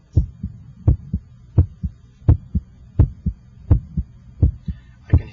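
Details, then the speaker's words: Electronic stethoscope at the apex (PMI) during cardiac exam, timed with radial pulse: steady lub-dub at about 85 a minute, louder first sound at the apex; normal first and second heart sounds. "your first heart sound and I can hear the second heart sound the first hot sound should have a louder quality in this apical [Music] position"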